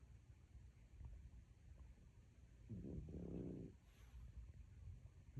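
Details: Sleeping French bulldog snoring: one loud, rattling snore about a second long rising out of a low, rumbling background.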